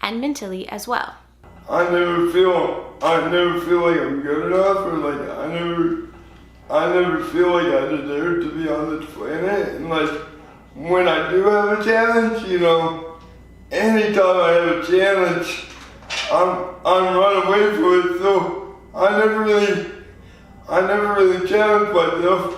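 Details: 24-year-old man with lifelong spastic quadriplegic cerebral palsy, born prematurely weighing 2 lb 4 oz; real patient; dysarthria (cerebral palsy).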